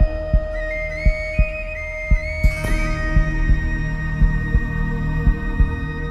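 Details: Steady low heartbeat thumps, about 57 a minute, under sustained flute-like epic music; heartbeat sound effect.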